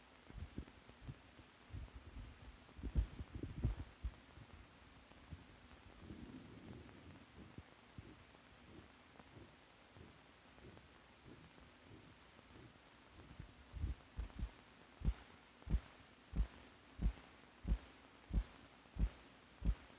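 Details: Normal heart sounds from an old film for doctors that records heartbeats and correlates the heart's physical motion with the sounds it makes.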